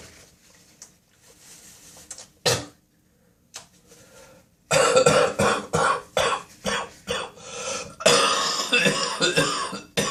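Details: Adult's early-morning coughing spasm in the bathroom: throat clearing, then about a dozen harsh, wet coughs in quick succession; productive cough with throat clearing, spitting and nose blowing reported.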